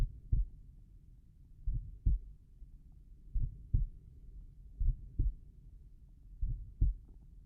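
Slow, regular paired heart sounds at about 36 beats a minute, with quiet gaps between them: normal heart sounds at the tricuspid area.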